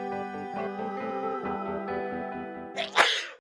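Steady instrumental music, then a single loud explosive sneeze near the end.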